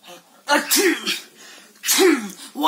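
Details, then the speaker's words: Sneezing in a person: two loud voiced bursts, each a sharp intake then a forceful explosive release. "hello so every person in this world gets sneezes and each one of them squeezes in their own way"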